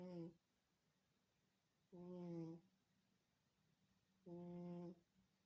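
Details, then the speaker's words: Sleeping cat snoring loudly: three short, tonal, humming snores about two seconds apart, roughly 26 per minute, in a quiet room. "Кто так храпит? Кто так храпит, а? Кто так храпит?"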